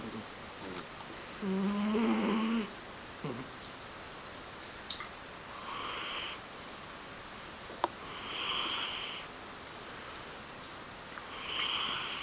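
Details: Cat snoring during sleep: quiet, regular rasping breath noises about every three seconds in a small room.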